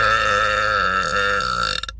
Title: New Youtube Short- Girl Burp - Burp Compilation - Part 5